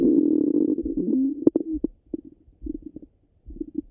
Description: My stomach got really rumbly after my breakfast.